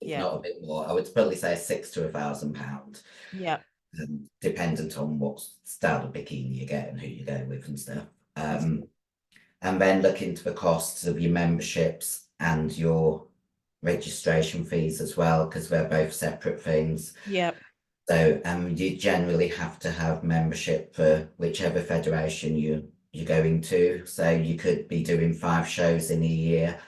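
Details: Adult female bodybuilder whose formerly very high-pitched voice became very deep after taking large doses of male steroids (performance-enhancing drugs); she can no longer sing; androgen-induced voice deepening (virilization).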